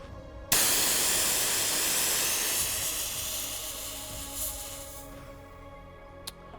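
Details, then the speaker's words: SEAL Pro hemostatic wound spray applied to an upper-leg gunshot wound in a training demonstration, with the can held 6–10 inches away and moved closer: a loud, steady pressurized hiss for about five seconds, fading. "Holding the can approximately 6 to 10 inches away, depress the nozzle. Begin slightly further out and move closer while spraying to ensure penetration into recesses and edges."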